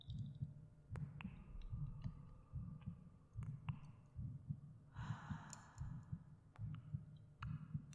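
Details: Binaural ASMR meditation recording of the narrator's own heartbeat: soft, steady low thumps about 74 a minute with faint breathing and echoing clicks for relaxation and sleep; normal resting heartbeat.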